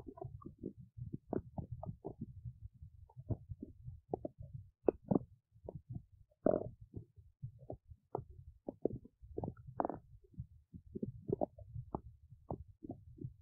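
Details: Belly noises while digesting oats: frequent irregular gurgles, squelches and rumbles, ordinary active bowel sounds.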